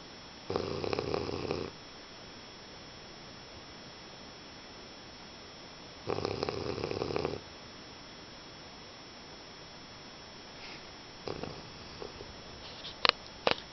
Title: English Bulldog snoring